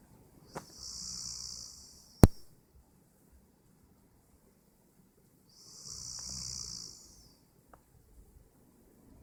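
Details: Roommate snoring: two soft, hissing breath sounds about five seconds apart with a faint low rumble, in a quiet room; light snoring during sleep.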